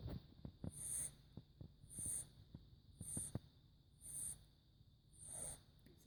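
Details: Four-month-old kitten, acting completely normal but snoring a lot while asleep: soft, rhythmic snoring breaths about 50 a minute with a faint high whistle on each breath; snoring.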